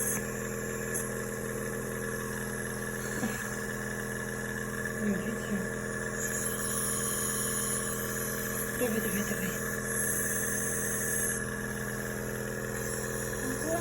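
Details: PARI JuniorBOY SX compressor nebulizer running with a steady mechanical motor hum and faint background voices, used at home to treat a child's severe cough.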